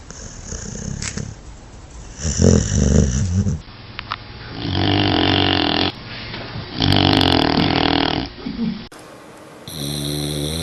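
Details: Dog snoring while asleep: loud rattling snores in repeated bursts with fluttery low rumbles on each breath; ordinary snoring.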